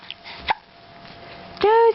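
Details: A dog with hiccups: a single sharp, abrupt hiccup-like catch followed by a short whine; hiccups.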